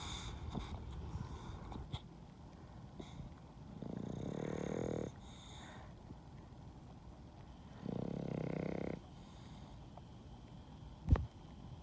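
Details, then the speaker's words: Dog snoring while asleep on the owner's hand: two long, rough rattling breaths about four seconds apart. "fell asleep on my hand. Snoring away."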